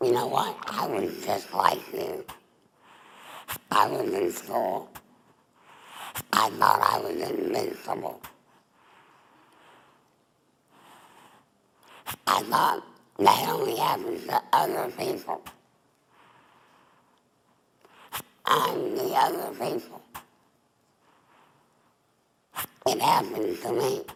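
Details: Adult woman, former smoker, with squamous cell cancer of the mouth then larynx; total laryngectomy with neck stoma, speaking through an esophageal voice prosthesis: tracheoesophageal speech after total laryngectomy.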